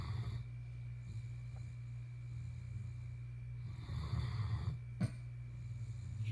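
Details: Snoring from Zeus asleep in bed: steady low rumbling snore with a faint steady hum in the room.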